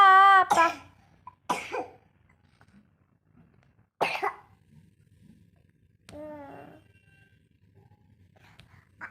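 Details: Child unwell with cough and cold: a few short, separate coughs and throat-clearing sounds with brief voiced sounds between.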